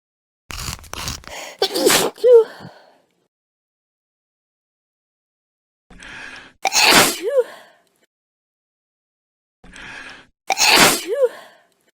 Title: School Of Sneezes Compilation